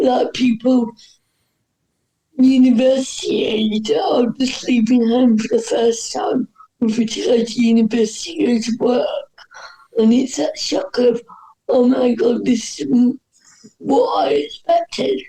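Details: Dysarthria in a woman whose voice is affected by cerebral palsy.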